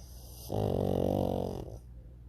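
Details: Two pugs asleep on a sofa during an afternoon nap: a single rough, rattling snore lasting about a second, with quiet room noise; pug snoring.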